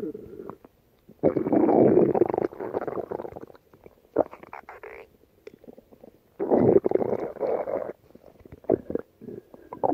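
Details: Stomach growling (borborygmi): loud bursts of rumbling, gurgling gut noise with quieter bubbling between them.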